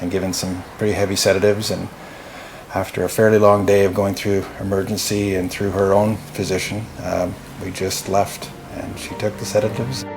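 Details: Adult male speaker; normal speech.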